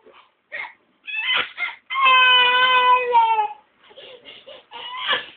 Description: i made baby cry. SOB!:(